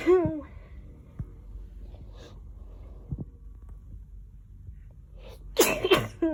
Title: Strong sneezes